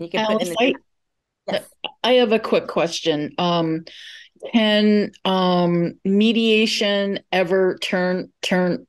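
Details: Stuttering in an adult moderator from a stuttering association asking a question during a session for people who stutter.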